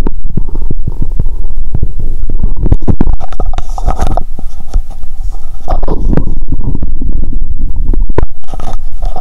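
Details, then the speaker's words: Stethoscope on the abdomen after Coke and Mentos, feeling full after burping: loud, noisy low gurgling and bubbling rumbles with scratchy contact noises; active bowel sounds. ""I think the current sound is noisy when I hear it with a stethoscope." "I hear a lot of loud noises 😂"."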